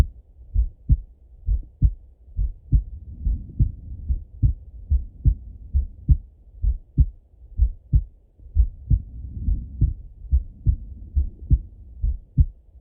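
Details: Full heart auscultation through a stethoscope on a male, recorded either sitting at a desk or lying in bed: steady paired lub-dub beats at about 67 a minute with no extra sounds, normal heart sounds.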